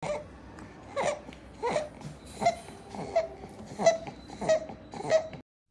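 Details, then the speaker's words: An infant's rapid breaths each carry a high, squeaky crowing tone: inspiratory stridor from laryngomalacia, with floppy omega-shaped voice box tissue, treated by aryepiglottic fold excision. "This sound produced while breathing is called as inspiratory stridor. This is produced due to presence of abnormal loose tissue around the voice box, a condition called as laryngomalacia."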